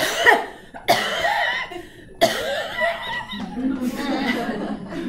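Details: Cough in an asthma attack (imitated).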